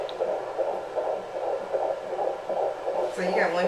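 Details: Fetal heartbeat on handheld Doppler during first pregnancy, heard at a prenatal visit: rapid, regular whooshing pulses at about 160 beats per minute, called a little high but good.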